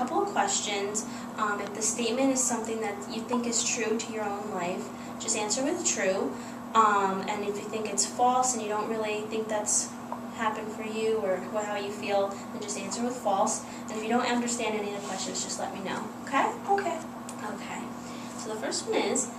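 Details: Adult woman; normal speech.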